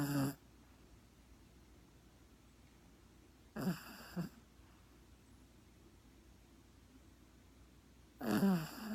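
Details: Snoring dog: loud, rough, pulsing snores on breathing in from a sleeping dog, three bursts separated by quiet pauses in a quiet room.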